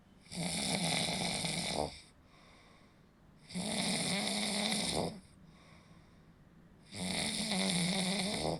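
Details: Three long, loud, rattling snores on each in-breath, about 19 a minute, with quieter out-breaths between; snoring.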